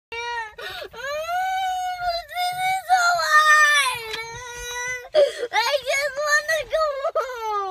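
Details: A girl's high, wailing, sobbing cry with long drawn-out whines and broken catches during a tantrum at gymnastics because she had to put her papers back in her bag.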